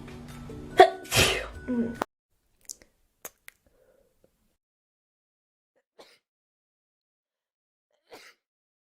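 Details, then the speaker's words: Female sneezing after announcing "I have to sneeze": one loud sneeze with a sharp intake and an explosive burst, then faint clicks and quiet sounds, with brief music early on. "i have to sneeze oh"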